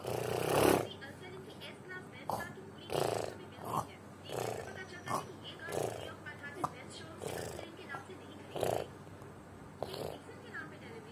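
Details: Person sleeping: repeated rough, rattling snores about every 1.4 seconds, roughly 40 a minute, with faint background noise; snoring.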